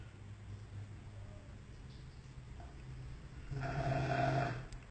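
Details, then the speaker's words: Guard dog snoring softly at 11 p.m., recorded from an upstairs window of a townhouse; low rumbling breaths building to one loud, harsh snore from the sleeping dog at a distance. "Tá aí meu cão de guarda roncando bem baixinho. Eu tô aqui na janela de cima do sobrado e acordei com esse barulho."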